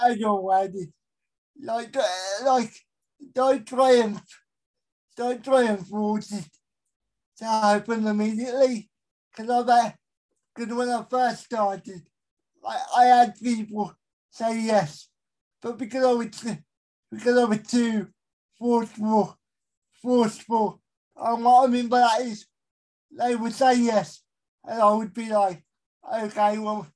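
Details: Dysarthria in a male with a severe type of cerebral palsy, real.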